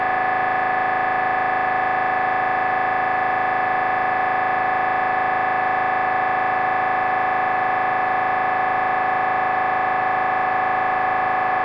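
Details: Loud, steady, rapid buzzing tone repeating about 200 times a minute; MRI scanner gradient noise recorded during a brain scan.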